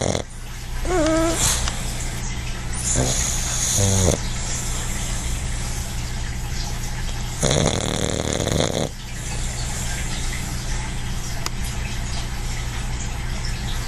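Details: Dog (Quincy), a habitual heavy snorer, relaxed and napping: loud rattling snore breaths with a few whiny, squeaky vocal sounds over a steady background hum.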